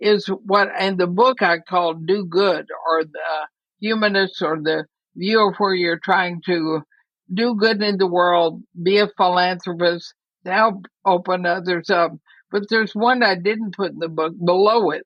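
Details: Dysarthria in a woman near 80 with ALS (Lou Gehrig's disease); she says she is already having quite a bit of trouble speaking but believes she is still intelligible.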